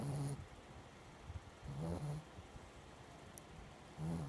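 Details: Female pet the owner has had for about a week and says snores unusually much: three low, rattling snores about two seconds apart, with quiet breathing between them. Sleep snoring.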